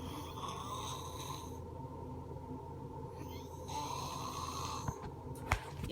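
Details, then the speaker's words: Young girl (little sister) snoring for about three months; family plans a doctor visit as they feel it is not normal. Loud, low rattling snores on each breath in, with brief pauses between. "that's called my little sister snaps so basically um she's been snoring for about 3ish months we're going to get her into the doctor because this is not normal"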